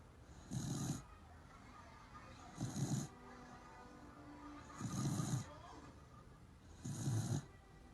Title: Cute! Snoring again...sweet dreams... (3/30/2019)